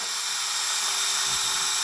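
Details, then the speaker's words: 2.8 mm drill bit boring into very hard patellar bone for a second, more distal anchor during all-onlay MPFL reconstruction, cycled a couple of times: steady high-pitched whine of the powered surgical drill. "Really hard bone here. We'll just cycle a couple of times."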